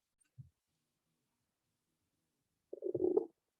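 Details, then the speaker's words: Normal bowel sounds auscultated over the abdomen of a 27-year-old man during a lecture's abdominal exam demonstration, abdomen soft and non-tender: a brief low gurgle, a pause, then a longer bubbling gurgle. "And I'm just going to listen to your tummy."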